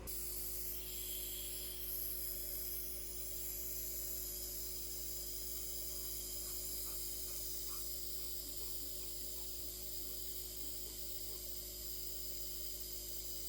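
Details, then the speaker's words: Steady mechanical hum with a fine hiss of mist from a nebulizer during a home breathing treatment of a baby on home oxygen, which takes a few minutes; nebulizer running. "usually takes about five minutes at most um just a couple minutes and he does really good"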